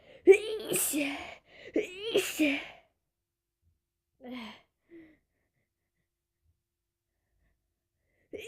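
Two forceful, voiced bursts of air a second or so apart, each with a sharp start, followed by soft breaths: a pair of sneezes.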